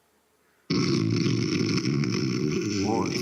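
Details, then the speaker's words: Loud, rough, rattling continuous snoring with sobbing-like sounds, presented as the more pronounced snore suggesting breathing stops during sleep (obstructive sleep apnoea), after a regular snore example. "более выраженный храп вот этот говорит о том что человек а скорее всего присутствует нож и не дыхание во время сна так называемого действительно об но и и сопровождается такими всхлипывание как вы только что слышали"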